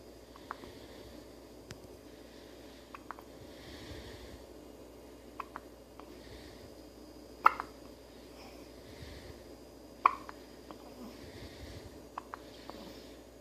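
Faint, brief, sharp clicks recur irregularly over quiet room noise, roughly 20 a minute, fitting an infant's hiccups.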